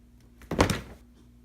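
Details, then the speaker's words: Newborn assessment: two soft, dull percussion taps over the bladder area in a quiet room. No bulging along the inguinal area and no inguinal lymph nodes felt. Bladder percussion. "and there are lo no inguinal lymph nodes felt and I'm gonna percuss the bladder"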